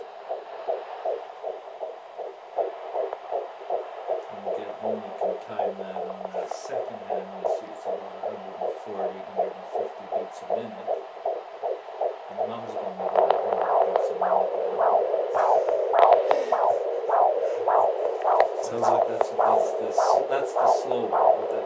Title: Baby Heartbeat